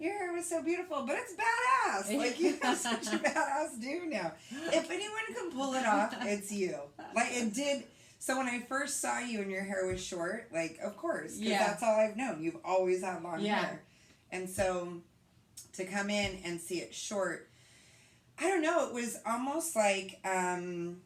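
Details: Adult woman speaking; ordinary speech.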